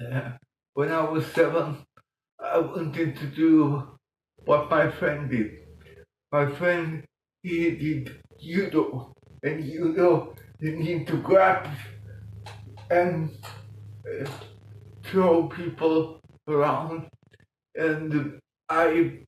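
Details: Adult man with mild cerebral palsy from lack of oxygen at birth in 1958; he talked while breathing in, and says music later helped him breathe differently and talk more intelligibly; dysarthria (cerebral palsy).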